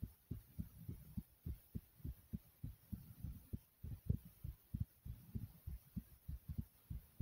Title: Thumping Heartbeat